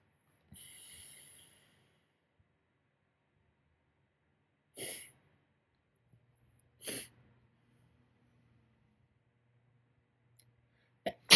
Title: morning sneezing fit